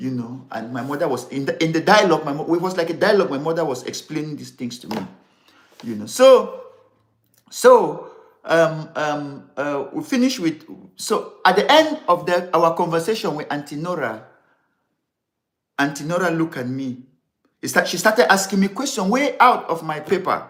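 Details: Adult man who has stammered severely since childhood, over more than sixty years, and still has difficulty pulling out words; later diagnosed with ADD, which he blames for word substitutions; unedited live recording; stammering.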